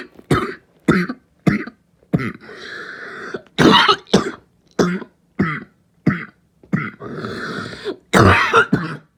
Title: Barking cough 3